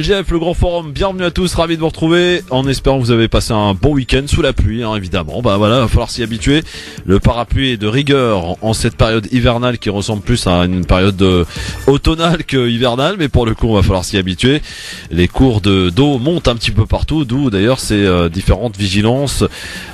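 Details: Adult male radio host; normal voice.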